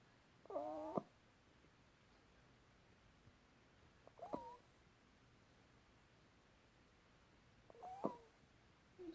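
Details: Cat making three brief high, squeaky whistling sounds spaced a few seconds apart; wheezing.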